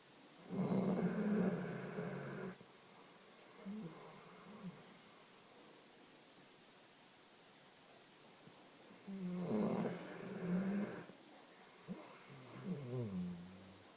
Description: sleeping not so soundly